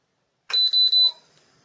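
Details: Three short high electronic beeps from a Dr Morepen automatic digital blood pressure monitor with the cuff applied, its ordinary signal during a measurement.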